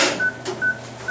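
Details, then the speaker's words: Veterinary patient under gas anesthesia during surgery preparation: anesthesia monitor beeps with each heartbeat, with ECG and blood oxygen displayed. "Hear the beeping, so we'll know the heartbeats."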